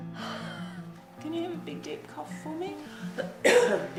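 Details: A child doing chest physiotherapy, after vigorous exercise and huffing, gives a single strong, deep voluntary cough near the end over background music; a deliberate airway-clearance cough.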